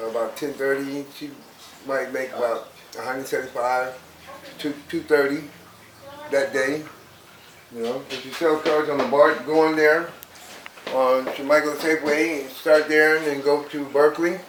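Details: Dysarthria in a 31-year-old woman with cerebral palsy since birth, a motor impairment from brain damage before, during or just after birth; her speech is described as slurred and hard to understand.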